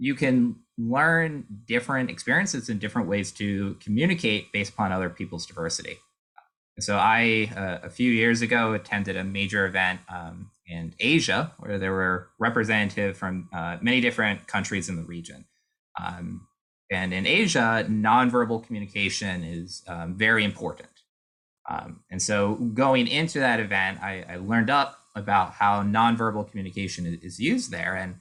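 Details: Adult man speaking; typical speech.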